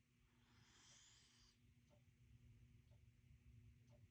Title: Poppy the CORGI SNORING 💤 #dog #corgipup #corgipuppy #ilovecorgis #puppy #corgi #mycorgi #cute